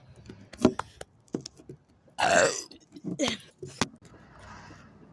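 Scattered clicks and mouth noises, then a loud, rough, gurgling belch about a second long, followed by a shorter second burp. Deliberate burping.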